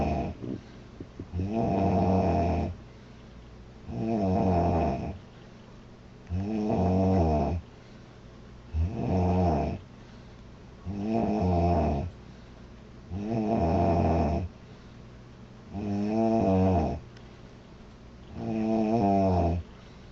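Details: Loud, regular, rumbling snoring from a sleeping girl, about 25 breaths a minute, with quiet pauses between snores.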